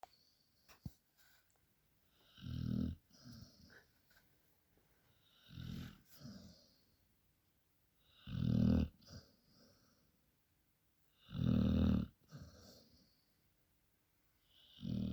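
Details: Dog asleep after a working day in the countryside, snoring slowly and regularly: a rattling inhale about every three seconds, roughly 20 breaths a minute, with quiet pauses between.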